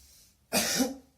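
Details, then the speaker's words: Simulated effective-cough demonstration on a 30-year-old male patient: after a deep breath, one strong, deliberate cough with his head tilted to the left; acted nursing-skill demonstration. "Habis ini tarik nafas kuat-kuat, lalu batukkan ya Pak, kepala dimiringkan ke kiri."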